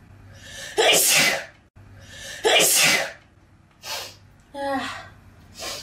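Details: Two forceful sneezes, each with a quick indrawn breath before the burst, followed by softer breathy sounds and a brief voice; sneezing.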